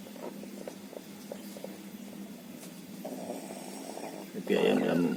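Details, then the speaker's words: A young rooster with snoring and a runny nose, its face not pale and otherwise healthy, makes rapid, wet rattling breath noises; respiratory snoring. "Tapi kondisi seperti ini, kalau emang kenyataannya mukanya nggak pucat, ayam ini dalam keadaan sehat, cuman yaitu mengalami kondisi seperti ini, ngorok dan juga ingusan."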